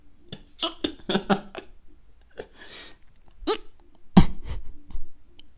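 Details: Adult with hiccups in a quiet room while trying to record ASMR: abrupt, short voiced gulps and clicks.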